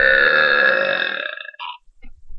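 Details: Burp (eructation) from an older sister: one long, loud, voiced burp lasting about a second and a half, then a faint brief second sound.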